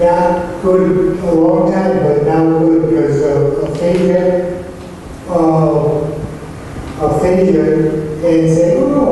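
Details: Non-fluent aphasic patient's speech sample with word retrieval problems and very impaired speech.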